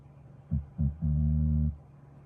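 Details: Pit mix or Staffy dog relaxing and asleep: snoring.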